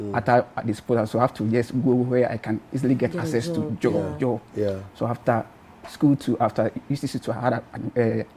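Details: Adult man who stammered from birth, currently in personal therapy; stuttering (stammering).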